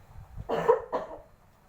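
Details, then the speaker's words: One forceful deliberate cough of two bursts after three deep breaths in and out with the mask removed, demonstrated by a nursing student teaching a woman effective coughing to bring up mucus. "Jadi tarik nafas, buang, tarik nafas, buang, tarik nafas, buang, kemudian membatukkannya."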